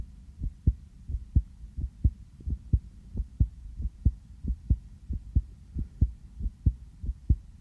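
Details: Own heartbeat heard through a sensitive stethoscope just after coming in from outside; steady paired low thumps at about 92 beats a minute, regular, slightly fast: normal heart sounds.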